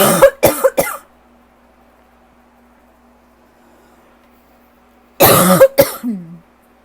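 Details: Dry cough on a rough asthma/allergy day, likely worsened by lingering bronchitis: two bursts of short, harsh, dry hacking coughs, three then two, separated by a quiet pause with a low hum.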